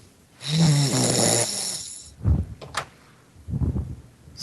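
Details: Snoring heard over a Skype call from a person who fell asleep mid-conversation: one loud, rattling inhaled snore followed by softer snorting breaths, with a faint crackly call-line quality; ordinary snoring.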